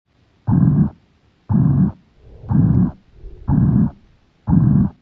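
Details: Heart sounds on stethoscope auscultation: steady, deep thumping heartbeat at about 60 beats a minute.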